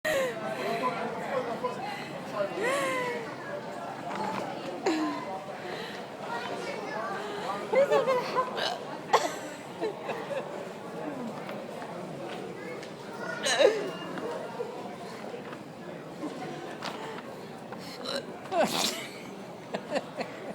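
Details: Hiccups from a person who has had a few drinks, walking at Gunwharf: talking and giggling broken by sudden sharp gulping catches, about four in twenty seconds, with chatter behind.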